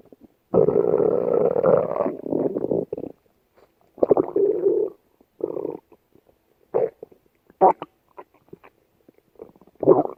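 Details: Several loud gurgling, rumbling bursts with quiet gaps between them: ordinary stomach growling (borborygmi).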